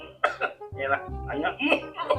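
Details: Acted cough in a comedy skit: several short, forced cough bursts from an adult, with music underneath.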